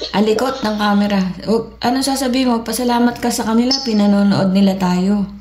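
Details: Adult woman speaking Filipino; typical adult speech.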